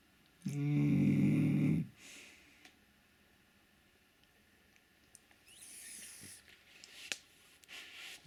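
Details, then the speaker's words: Shar-Pei dog snoring while resting warm beside a radiator: one loud, buzzing snore lasting over a second, then quiet breathing with faint rustles. Dog snoring. "ты Что храпишь тут так А ты что так храпишь пригрелся возле батареи храпишь тут"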